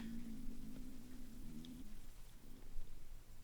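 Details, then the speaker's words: Low, drawn-out rumbling gurgle from an adult woman's stomach, ordinary hunger-type bowel sounds: stomach growling (borborygmi). "sorry, that's my stomach. I hope you can't hear that."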